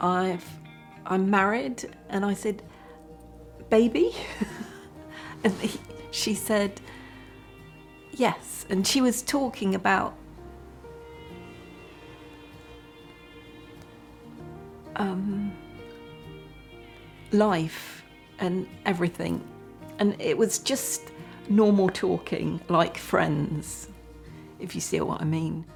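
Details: Person with aphasia after a stroke, unable to speak at all at first; aphasia.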